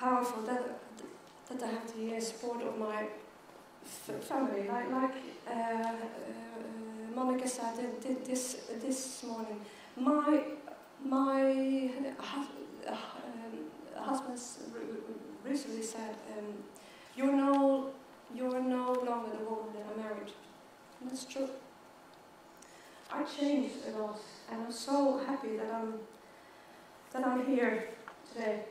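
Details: Adult woman who has stuttered since age 9 and says she struggles with it every day, giving a keynote talk; stuttering.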